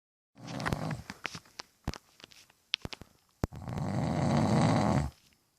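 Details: Husband snoring in his sleep: two long, rough, rattling breaths separated by brief snorts and clicks in a quiet room.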